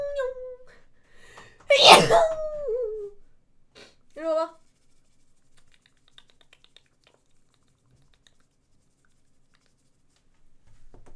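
A brief voiced intake, then one loud explosive sneeze with a falling voiced tail, a short vocal sound after, then near silence: a single sneeze.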